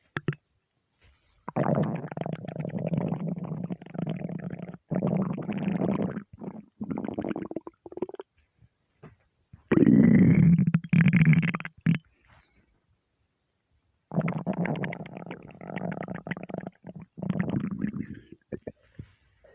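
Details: Stomach rumbling (borborygmi) from being half hungry, half gassy after eating too much: loud, long gurgling and rumbling bursts with gaps between.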